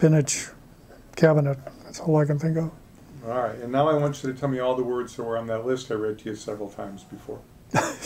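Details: Adult male speech in a small room; normal speech.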